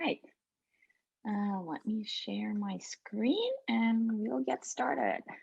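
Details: Adult woman speaking; Normal speech.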